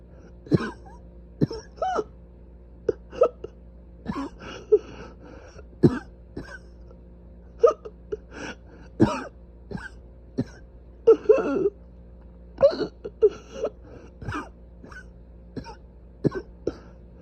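Repeated short, dry, hacking coughs and throat clearing over a steady hum; persistent cough from irritated, inflamed airways.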